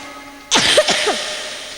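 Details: Young child preacher coughing while giving a sermon: three quick, harsh coughs in a row, bursts of noisy air with voice breaking through, against faint room hum.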